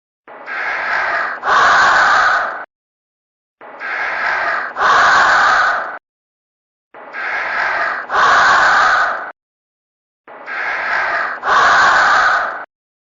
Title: Akari Sleeping And Snoring (No Snore Text)